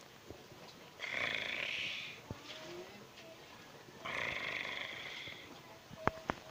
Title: Cat(snoring funny neko)